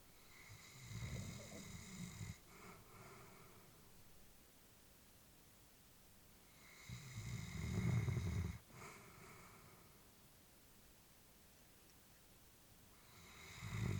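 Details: Elderly female labrador asleep: low, rumbling snores on slow breaths, about four breaths a minute, with quiet pauses between; ordinary sleep snoring.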